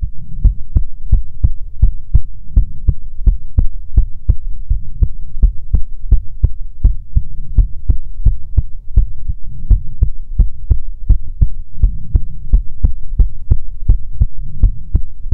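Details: ASMR heartbeat recording from a female streamer, offered as soothing heartbeats: steady, deep thumping at roughly 85 beats per minute, close-miked with a low hum underneath; heartbeat.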